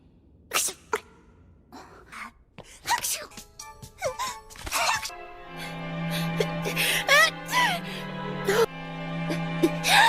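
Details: Acted, simulated anime cartoon sneezes from several different voices, cut together over background music; a sneeze compilation.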